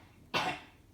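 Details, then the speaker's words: Young child, described as her little girl, in a household where everyone is ill and coughing wet, gives one short, loose, productive cough; wet cough. "Voilà, vous entendez ma petite poulette tousser. Donc tout le monde tousse gras."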